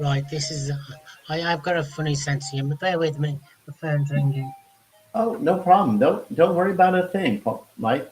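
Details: Adult male speaker, possibly with a second voice; normal speech.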